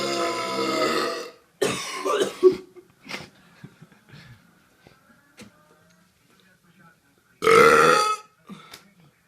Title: burping reel